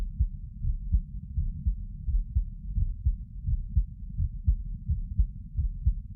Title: 座り心音～その２かな sitting heart sounds